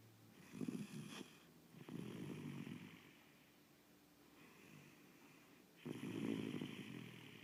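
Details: Sleeping animal snoring, rhythmic rough fluttering breaths with a low rumble repeating every couple of seconds in a quiet room.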